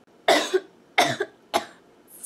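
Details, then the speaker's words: Adult woman's cough during an asthma flare triggered by pollen, after stopping IVF medication (Lupron) and unable to take her usual allergy medicine: three dry, harsh coughs in quick succession. "my asthma has been driving me bananas because of the ivf medicine and lupron and interacts with a lot of things"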